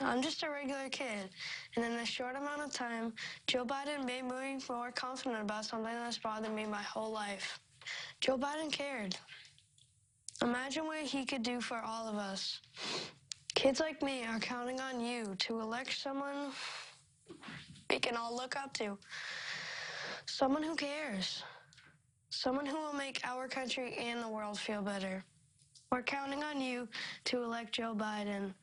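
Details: Child who has struggled with a stutter. Finding: stuttering.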